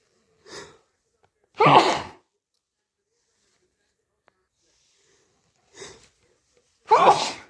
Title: Nose close up sneezes snot and nose blow